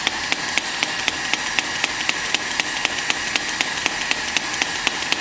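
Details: S18 electromagnetic shock wave physiotherapy device demonstrated for shoulder pain treatment with gel on the pain point: sharp, regular snapping pulses about one per second over a steady hiss as it delivers shots.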